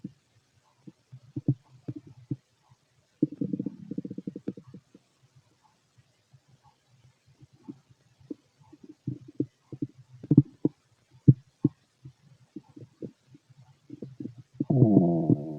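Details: Ordinary stomach growling heard by stethoscope over the abdomen of a fit adult male: scattered gurgles and brief rumbling runs ending in a longer growl; normal bowel sounds.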